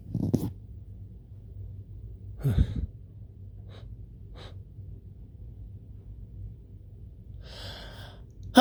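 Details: Repeated big, hitching sneezes: two loud explosive sneezes, the second preceded by a hitching inhaled gasp, then quieter breaths and a third sneeze starting.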